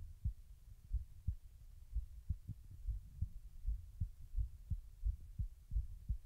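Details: Heartbeat recorded while the person tries to slow their heart rate: soft, fairly fast heartbeat with muffled low thumps and some background rumble.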